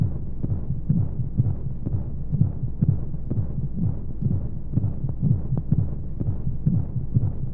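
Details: Womb-sound sleep aid for babies with white noise: muffled regular whooshing heartbeat thumps at about 120 a minute over steady low rumbling flow sounds, a heartbeat as heard in the womb.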